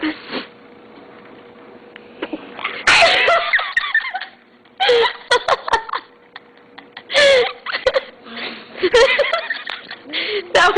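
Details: Young child, little sister, gives several quick sharp sneezes on request with light giggling and breathy sounds between: sneeze.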